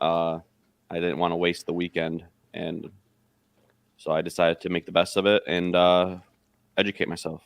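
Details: Adult man; Normal voice.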